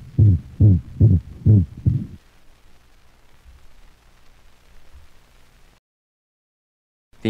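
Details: Dog with atrioventricular valve insufficiency: five loud, high-frequency, musical tonal systolic sounds, a systolic whoop or seagull murmur, a variant of the holosystolic murmur.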